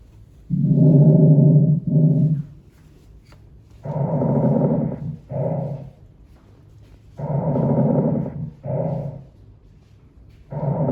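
Regular breaths through a stethoscope on the back, with long, loud, rushing breath sounds and a low steady hum between them.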